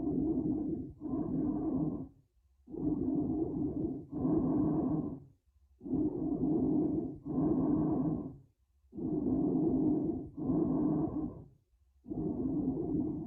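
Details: Loud, hollow, tubular breath sounds with paired inspiratory and expiratory phases and a clear gap between them, played as a lung-sound teaching example for nursing exam review; bronchial breath sounds.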